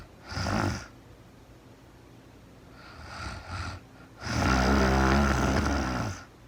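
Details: Real-time recording of a woman asleep at night after being very tired, no talking, described as REM sleep: uneven snores, a short snort, a softer one, then a long rough rumbling snore, in a quiet room; snoring.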